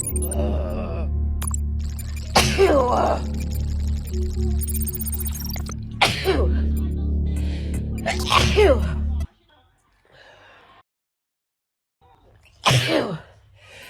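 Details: Woman with summer pollen allergies: several sharp, explosive sneezes over a steady background hum and music, then a final sneeze after a pause; repeated allergic sneezing.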